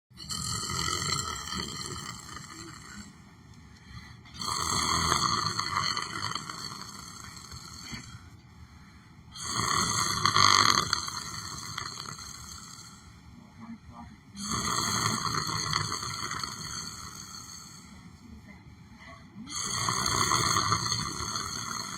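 Regular, loud, rasping snores, about one every five seconds, each fading before the next breath.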